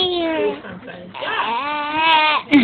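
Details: A baby's drawn-out wailing cry with rising and falling pitch, broken by a short breath; infant cry.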